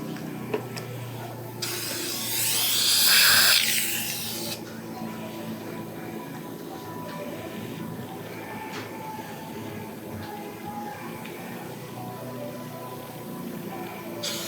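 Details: Brief high-pitched whirring of a dental drill seating an implant in the maxilla to just subcrestal, then quieter room sounds with faint background music. Implants are buried for integration with high torque. Dental implant drilling.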